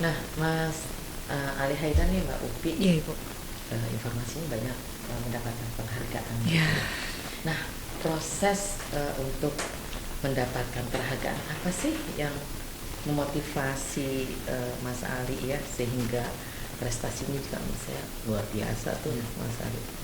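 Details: Adult podcast host; normal conversational speech.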